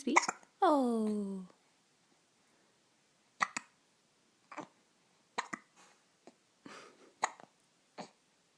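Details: Child in a bunny hat with morning hiccups: a drawn-out vocal sound, then about eight short, sharp catches at irregular intervals in a quiet room, with grunting; consistent with hiccups.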